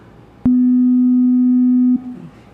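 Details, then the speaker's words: Steady, low-pitched pure tone lasting about 1.5 seconds, of the kind used clinically in hearing examinations; pure-tone audiometry test tone. "Okay, esos ruiditos son tonos puros. Nos funcionan, por ejemplo, a nivel clínico para poder realizar el examen de audición."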